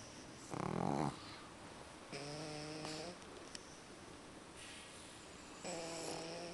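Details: Sleeping pug puppies snore with buzzing, rattling snores and a low hum, a few breaths apart in a quiet room; ordinary snoring.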